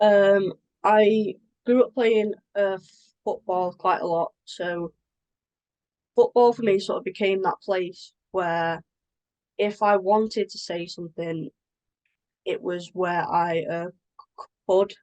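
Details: Adult woman who has stammered since early childhood and experiences blocks; stammering (blocks).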